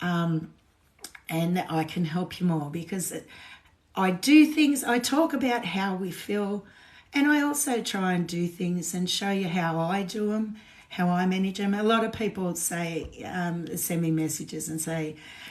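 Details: Woman with essential tremor; voice tremor worse than her usual today, which she attributes to alcohol withdrawal shakes on top of her essential tremor after two days of drinking.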